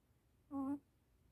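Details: Baby puppy sleeping, making sleep-talking babbling vocalizations (from 40 seconds on).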